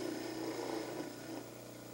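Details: Mandibular orthodontic plaster cast being trimmed at the back on a dental model trimmer: steady motor hum with a grinding, rubbing sound.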